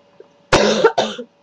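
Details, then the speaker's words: Cough in an adult diagnosed in the ER with bronchospasm and acute bronchitis, plus an acute sinus infection, and prescribed an albuterol inhaler: a single harsh, slightly rattly cough in two bursts. "my diagnosis for the ER was bronchos spasms with acute bronchitis"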